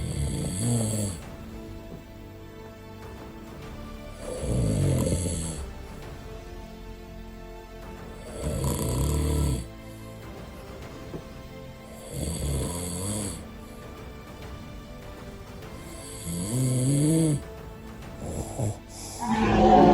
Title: Sleep like a Boss | Snoring